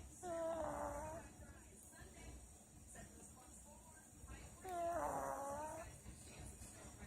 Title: Pug Life. Snoring Pug. Lazy Snow Day.